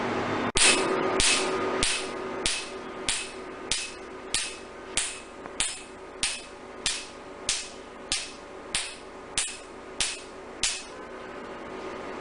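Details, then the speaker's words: Sharp snapping clicks about three per second, each fading quickly, as Q-switched Nd:YAG laser pulses remove a tattoo in the patient's third session, using the R20 technique without anesthesia. The patient reports no pain, and white spots appear on the skin. "This is the NDI Q-switch laser being done on this tattoo. It has got no pain and patient is very comfortable."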